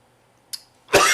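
A faint click, then a sudden loud, harsh cough burst that is cut off at the end; a cough in an adult with asthma.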